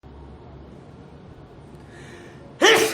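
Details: A single sudden, explosive sneeze from a male K-pop idol follows a few seconds of quiet room noise.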